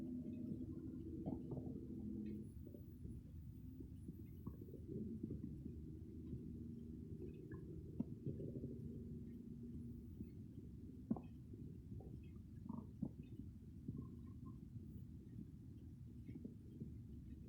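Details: Continuous low rumbling and gurgling with scattered small pops and squeaks, close-up normal stomach growling recorded without a microphone.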